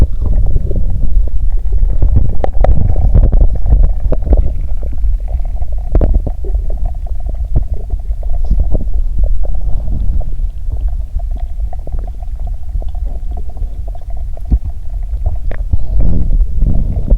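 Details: Bowel sounds (stomach gurgling) after drinking cola and swallowing Mentos; the stomach feels at its limit.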